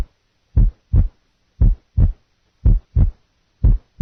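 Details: Simulated regular heart sounds near 60 a minute showing physiological splitting of the second heart sound, split on inspiration and single on expiration.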